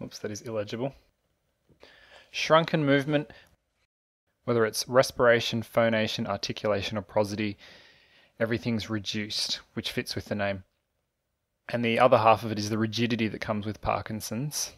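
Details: Adult male narrator; normal speech.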